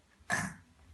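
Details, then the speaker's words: A single brief, forced cough from a young girl, produced on request rather than from illness. "Ay öksürüyor. Ay çok hasta."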